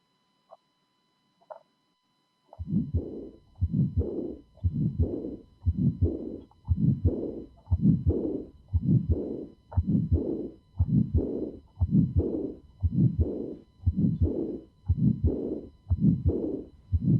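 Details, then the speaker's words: Teaching recording with phonocardiographic tracing, about 58 beats a minute: a harsh, high-frequency systolic ejection murmur followed by a diastolic murmur. Aortic stenosis with aortic regurgitation. "so this is a a typical example of arctic stenosis and article regurgitation"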